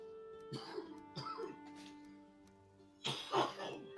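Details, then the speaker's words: Cough from an adult partner in the background: several short, harsh cough bursts heard over steady game music. "You can hear my partner coughing in the background. It It's fine. It's fine. People cough."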